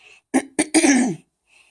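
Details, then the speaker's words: Three short coughs, the last longer and voiced, from an adult on radiation treatment day 2; airway inflammation causes slight wheezing and cough, much better since a stent was removed; a brief dry cough. "That's my cough now, which isn't too bad, right? Yeah, I just have some inflammation in here, which causes a little bit of wheezing and that little bit of a cough, which is, wow, way so much better than it was before, right?"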